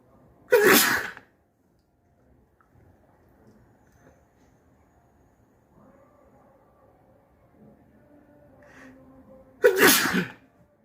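Two loud, wet, explosive sneezes about nine seconds apart, with near silence and faint room sounds between them.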